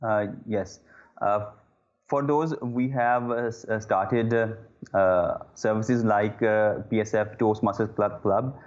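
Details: Adult male who stammers, with repeated 'uh' disfluencies: stuttering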